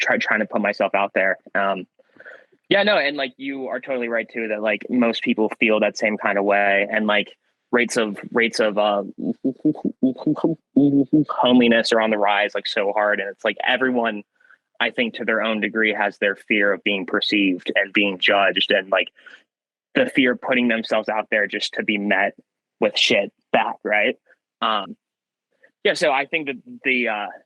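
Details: Young man who has stuttered since childhood, with a variable stutter, sometimes swapping words mid-sentence to avoid getting stuck; stuttering.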